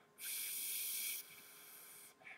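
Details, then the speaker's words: Steady airy hiss imitating the amplified ambient room noise of the ADC Adscope 657 digital electronic stethoscope, loud then softer. "when I listen to my own heart I heard a nice strong heartbeat but along with it I heard ambient noise Amplified which was a kind of a hiss"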